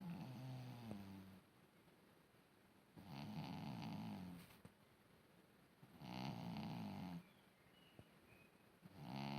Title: Niti is snoring very loudly 😸 (volume up🔊)